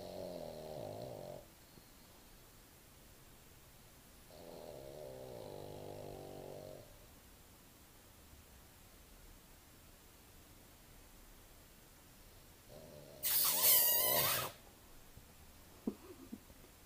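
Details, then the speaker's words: Sleeping dog snoring: soft, buzzing snores every few seconds, then a loud snort and brief stirring; ordinary dog snoring, heard most nights. "So you'll still snore in that position. Great. This is what I go to sleep to most nights."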